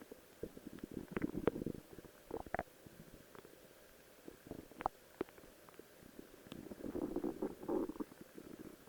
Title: My Stomach Growling while in a Rose Cosplay Outfit